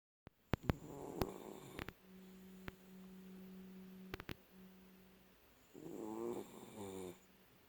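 Two loud, rattling snores from a sleeping dog, with a faint whistling tone and clicks between them; ordinary snoring.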